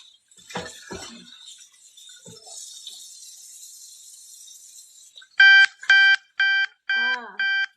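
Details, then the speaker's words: Woman with type 2 diabetes, cooking: five loud, repeated electronic alert tones after quiet room noise, her glucose alarm going off to signal that her blood sugar is low. "Yeah, that's my I do have diabetes type 2. That's my alarm going off, telling me that my sugar is low."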